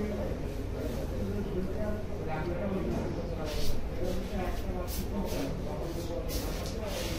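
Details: Vocal tics in a male patient with Tourette syndrome, a neurological developmental disorder, alongside motor tics in different body parts; onset before age 18, lasting at least one year.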